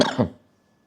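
A single short adult cough, two quick bursts, followed by near silence.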